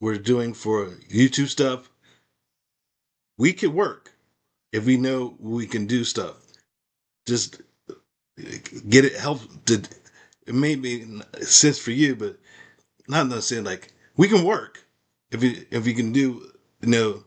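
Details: Woman with aphasia after a stroke, with difficulty understanding in meetings and needing repetition; conversational speech; aphasia.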